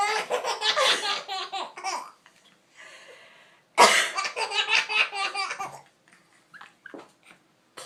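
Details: Child laughing at an adult coughing: bursts of giggling with an abrupt harsh adult cough partway through, followed by more laughter.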